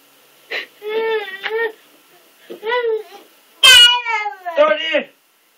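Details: Infant imitating a parent who has a cold and has been sneezing: playful voiced 'ah…choo' sounds, a pretend rather than real sneeze; imitated sneeze.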